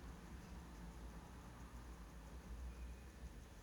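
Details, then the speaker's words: Continuous low rushing hiss of a suction tip rolling down extremely dry, hardened, impacted ear wax and skin plug from the anterior recess during WAXscope microsuction; ear wax microsuction. "So again, I'm just going to the top now. I'm going to almost roll it down. And I'm getting a better suction grip."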